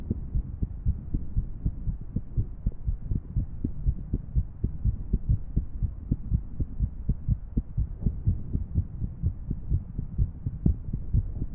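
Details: Heart sounds of a female with an irregular rhythm: rapid heartbeat with uneven spacing between beats, presented with a 3D heart model animation.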